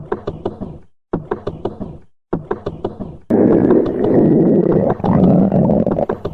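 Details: Rapid bubbly gurgling pulses followed by a continuous rumbling growl from a sleeping rabbit; normal stomach growling (borborygmi).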